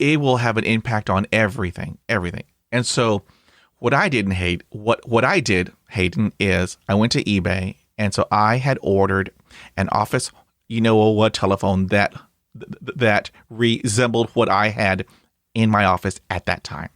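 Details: 52-year-old man who has stuttered since childhood, with blocks and repetitions: stuttering.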